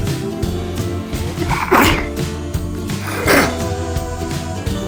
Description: Minute long video of just me sneezing part 2... enjoy:)